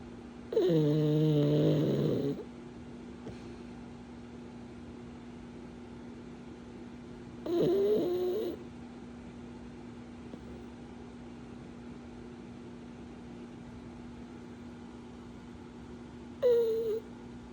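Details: Pug: three separate nasal, whistling snort-snores with quiet gaps between them, over a steady background hum; snoring.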